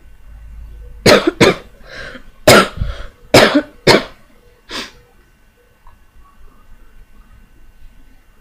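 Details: Person who says they feel better but still has something stuck inside: six sharp coughs in two quick clusters, some paired, with a throat-clearing quality; a lingering cough during recovery.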